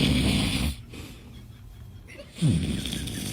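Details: Father snoring beside a baby, with someone crying and others laughing: loud, rough, rattling inspiratory snores with quiet pauses between them.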